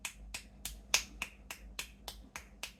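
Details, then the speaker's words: Rapid, sharp, regular teeth clicking, about ten in under three seconds: teeth grinding (bruxism) in a girl with 22q11.2 deletion syndrome and EDS during a dystonia episode with jaw and lip movements. "I don't want you to bruise or H brus or the grinding of the teeth is happening at the moment"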